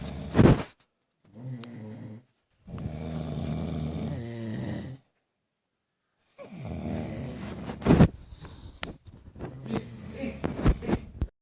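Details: Two people asleep and snoring: loud, rumbling, low-pitched snores with brief pauses between them, with some room noise and thumps.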